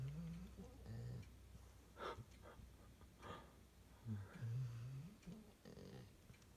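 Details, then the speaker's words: Sleeping female dog, dreaming: low rumbling snores with soft snuffling breath noises between them. "You're snoring like dad."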